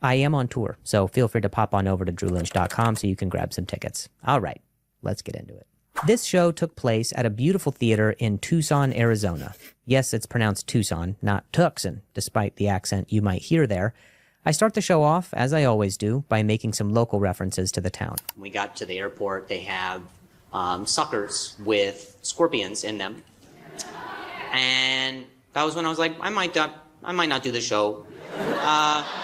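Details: Male comedian who stutters, narrating his stand-up set, with audible word repetitions; he says he stutters more when he hears noises while talking; stuttering.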